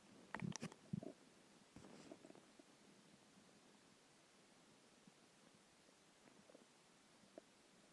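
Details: Hunger stomach growling after a skipped lunch: low gurgling and rumbling bursts in the first seconds, then faint quiet gurgles; borborygmi.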